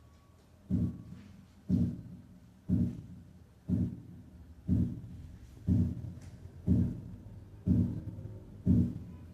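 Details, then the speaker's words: Simulated split heart sound at 60 per minute, each beat a paired sound 0.06 seconds apart, taught as part of graded split intervals. "para reconocer los sonidos duplicados los escucharemos con distintos intervalos comenzando con un ruido cardíaco único a razón de 60 ratios por minuto"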